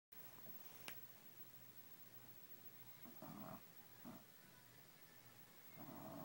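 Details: A sleeping baby hippo snores: a few soft, rough snorting breaths over a steady background hiss, with a brief click early on.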